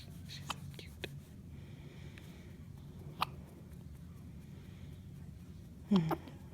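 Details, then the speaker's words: Premature baby girl, born at 33.5 weeks weighing 4.5 pounds, with a feeding tube, having hiccups for the first time; about four brief, sharp, irregularly spaced hiccups over low room hum. "Oh my goodness. Got the hiccups. You have hiccups. Oh my goodness."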